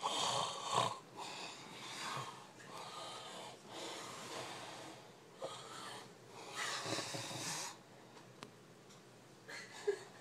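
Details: Loud, rough, irregular rattling breath noises during sleep, with some whistling and snorting: snoring.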